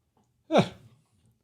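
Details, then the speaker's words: A dog coughing in the background of an online talk: a single forceful, slightly voiced cough with a falling tone, in a quiet room. "can you hear farley coughing away in the background what is up farley are you okay"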